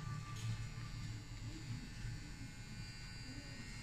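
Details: Steady low electric buzzing from a microneedling pen working on the skin during a microneedling therapy session, with quiet room noise.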